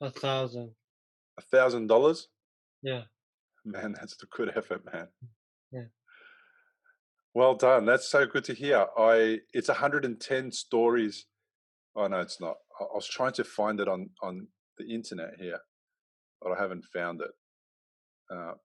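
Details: Male who had a stroke from a ruptured arteriovenous malformation at age 15 that left him in a coma; three years later he has post-stroke aphasia, with trouble getting words out rather than understanding: aphasia.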